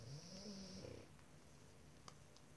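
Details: Snoring.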